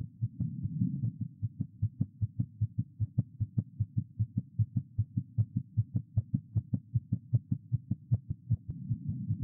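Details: An adult woman's heart heard through a doctor's stethoscope during a checkup: a fast, regular heartbeat of about 150 beats a minute (tachycardia).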